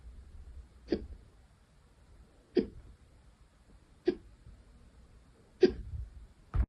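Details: Hiccups for the second time that day: five sharp, brief hiccups roughly every one and a half seconds, about 20 a minute, in a quiet room.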